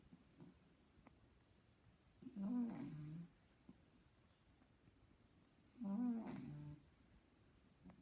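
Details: Sleeping pug snoring loudly: two loud, rattling snores about 3.5 seconds apart, with quiet pauses between them; snoring.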